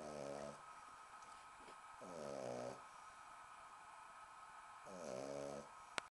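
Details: Three rattling, nasal snores on inhaling, every two to three seconds, from a 10-week-old British bulldog puppy fast asleep on a sofa who doesn't wake even when her belly is tickled; faint room hum; snoring.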